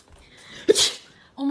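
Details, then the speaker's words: Prank: a person sneezes directly on someone else. A single sharp, explosive sneeze follows a brief indrawn breath, then apologies and "Did you just sneeze on me?" "Did you just sneeze on me? >> I'm so sorry. I got to sneeze. I need a tissue."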